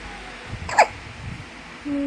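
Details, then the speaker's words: Newborn baby girl just woken with hiccups, being soothed to sleep: a single sharp, brief hiccup; hiccups that resolved on their own. "My baby still has hiccups. hiccup Just relax baby. I'll get you to sleep too. hiccup hiccup hiccup As if baby hiccups like an adult."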